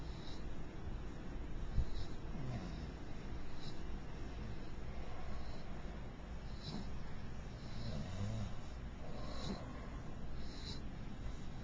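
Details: Soft, steady low snoring with faint snorts over background hiss, about one breath every two seconds, from a sleeping mixed-breed beagle. Snoring.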